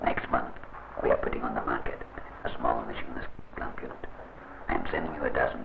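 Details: Man whose larynx was surgically removed (laryngectomy), speaking with esophageal speech produced by swallowing air into the esophagus; real patient shown in an educational film.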